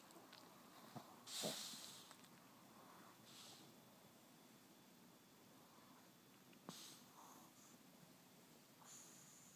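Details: Short hissy snorting breaths with snuffly nasal noise in a quiet room from a sleeping Chihuahua; dog snoring.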